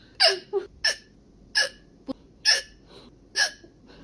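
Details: Chinese girl with hiccups: five sharp, abrupt catching sounds at irregular intervals in about four seconds, with faint softer catches between.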